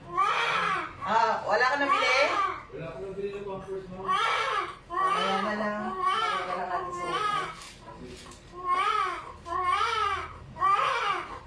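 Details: Newborn baby boy just after normal vaginal delivery at a clinic: repeated loud, rhythmic cries with breaths between bursts; a normal vigorous first cry.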